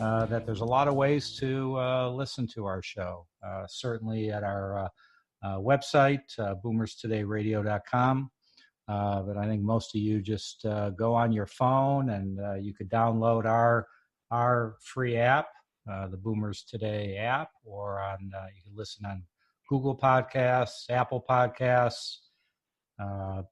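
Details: Adult male speaker; typical speech.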